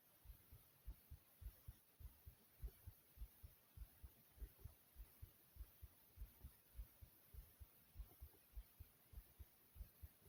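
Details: Steady, soft, low thumping heartbeat at roughly 70 beats a minute with a faint hiss behind it; own heartbeat described as beating soothingly.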